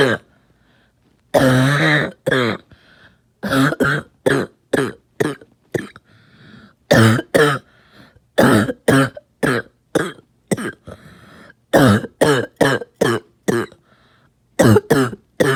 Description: Hey coughing fans did you miss me? Coughing all night in this video.